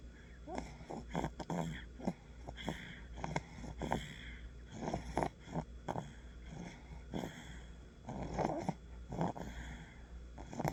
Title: Fluttery Snore